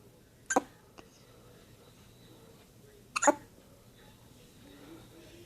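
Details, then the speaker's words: One-day-old newborn with two sharp, brief hiccups about two and a half seconds apart and a faint click between, in a quiet room; normal newborn hiccups. "Baby hiccups. Baby hiccups. Oh, poor baby."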